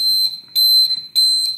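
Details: DIY Arduino ventilator with blood oxygen (SpO2) sensor: loud, high-pitched buzzer in repeated bursts, sounding when no finger is in the oxygen sensor.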